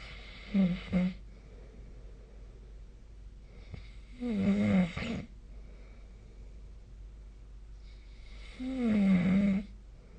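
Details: Sleep snoring: three low, rattling snores about four seconds apart, roughly 13 a minute, over quiet room noise.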